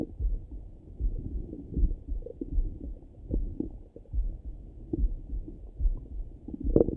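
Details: Morning stomach rumbling heard through a stethoscope: irregular low gurgles and rumbles; bowel sounds.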